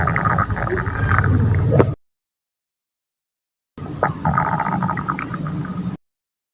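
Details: Two stretches of low gurgling, rumbling stomach noise separated by silence; hunger growling of the stomach (borborygmi).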